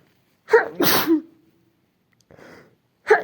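A sharp sneeze preceded by a quick intake of breath, followed by a soft breath, and the start of another sneeze at the end.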